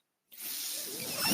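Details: Speaker's own mechanical ventilator breath during a podcast: silence, then a rising airy hiss of air pushed through tubing.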